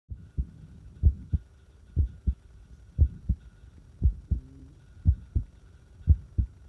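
Low heart sounds at about 60 a minute with uneven spacing between beats; an irregular rhythm.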